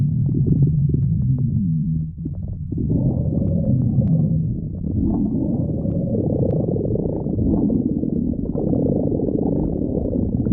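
Continuous low, gurgling rumbles with drawn-out tonal growls, typical of ordinary stomach growling.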